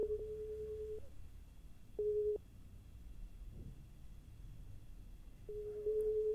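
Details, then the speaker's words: Three steady pure-tone beeps of varying length over quiet room noise, simulated hearing-test tones in an ASMR role-play with headphones, listener asked to report left, right or both ears; hearing test tones. "tell me whether you hear them to the left to the right or in both ears and um literally anything sometimes it might not hear them cuz the frequency the frequency is too low"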